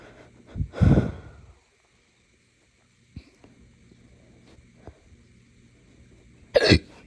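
Two abrupt throaty bursts, a few seconds apart, each a short gulping belch-like catch: hiccups combined with burping.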